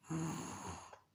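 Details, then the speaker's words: An adult's imitation of a patient drawing mucus back through the nose toward the posterior nasal region: a rough, low snort, then the start of a throat-clearing hawk to expel it. "खांसी जो बलगम है, पेशेंट पहले नाक से अंदर को खींचेगा, पोस्टीरियर नेजल रीजन की तरफ को, नाक के पिछली तरफ को।"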